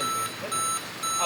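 A hospital ventilator gives a steady run of high electronic beeps, about two a second, over faint room noise.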